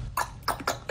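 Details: Vocal tic in a 19-year-old female with Tourette syndrome, OCD and depression; her verbal tics include screeching and are worsened by stress and anxiety.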